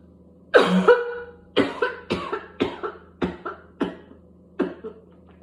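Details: Paroxysmal coughing spell in a person with whooping cough (pertussis), with coughing spasms leading to gagging, spitting and vomiting.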